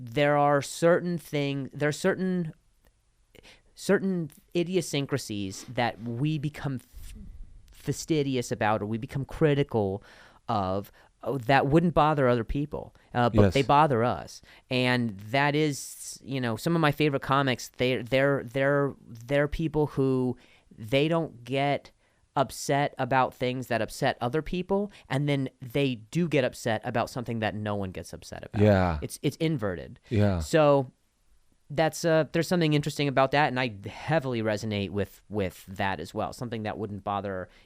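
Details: Adult male comedian whose stutter began after an injury and has since improved a lot; clip has part-word and whole-word repetitions; stuttering.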